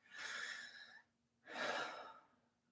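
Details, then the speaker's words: Person with asthma, wheezing after standing up: two noisy, effortful breaths with a faint whistling edge; wheezing. "oh my God my asthma or asthma I'm literally wheezing jeez"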